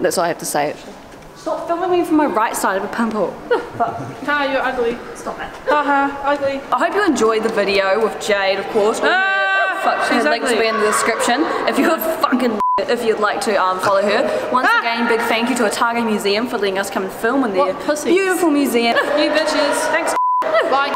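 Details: Host with Tourette syndrome speaking in public at a museum, with sudden swearing and interjections; vocal tics (Tourette syndrome).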